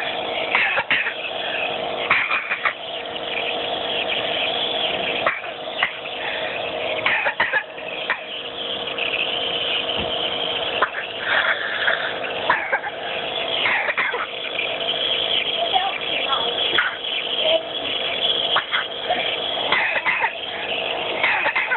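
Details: A child coughs repeatedly in short bursts over the steady hiss of a nebulizer during a breathing treatment; described as an awful cough. Cough during nebulizer treatment.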